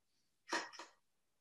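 One short, explosive burst of air in a quiet room; a single sneeze.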